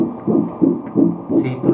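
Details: Rapid rhythmic whooshing pulses of a fetal heartbeat on ultrasound, 168 beats a minute, up from 111 at the previous scan; normal rate.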